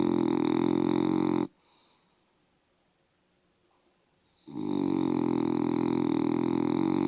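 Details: Loud, continuous rattling snore on breathing in, a quiet pause of about three seconds, then the snore resumes; a female bulldog snoring, described as mild compared with her usual snoring.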